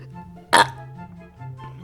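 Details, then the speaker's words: Person recording a video review who feels nauseous and keeps burping gives a single short, loud burp over steady background music. "and know just because I keep burping I hope"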